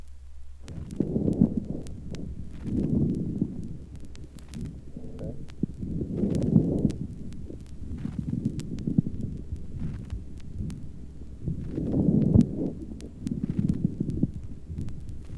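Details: Crackles (rales).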